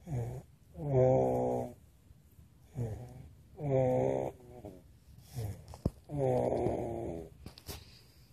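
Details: Loud, rattling snores with each breath, a little over 20 breaths a minute, irregularly spaced: ordinary snoring.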